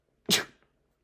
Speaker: As you can hear, I am sneezing.